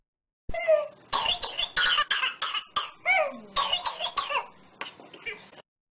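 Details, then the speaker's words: Whooping cough (pertussis), Bordetella pertussis infection: paroxysms of rapid coughs each followed by a high, rising inspiratory whoop. "classical presentation the classic presentation of pertusus includes paroxysms of coughing an inspiratory"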